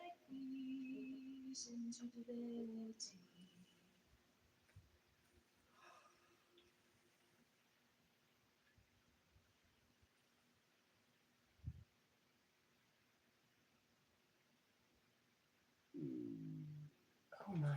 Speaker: Did you hear that? That was my tummy. It's protesting being up so early.